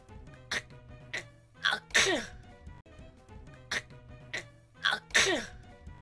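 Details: Quick catching breaths building to a sharp, explosive sneeze, heard twice in a row over background music.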